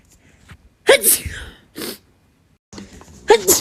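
Two or three quick, forceful sneezes in a row from an adult woman.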